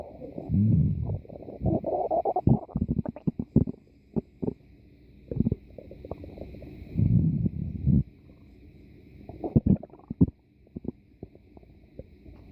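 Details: Stomach growling (borborygmi) in a person: low gurgling rumbles and bubbling pops in bursts with quiet gaps between them.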